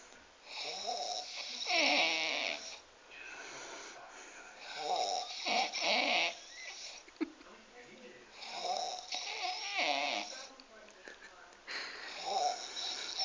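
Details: Big Romanian man snoring like a pig: loud, harsh, rattling snores on both breathing in and out, about 16 breaths a minute; heavy snoring.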